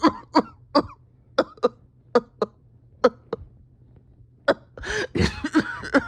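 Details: Harsh, strained cough in a person reporting a tight chest and steady oxygen levels after a rough weekend; about ten short harsh coughs in loose clusters, then a rough breath and throat noise; painful coughing.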